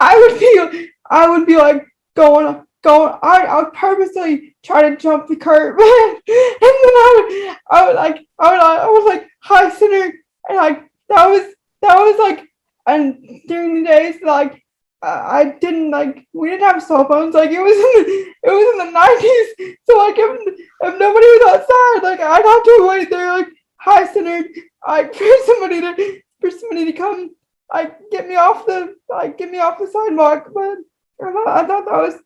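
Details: Woman with moderate-to-severe cerebral palsy affecting all four limbs, who says her talking is affected; frequent repetitions; dysarthria (cerebral palsy).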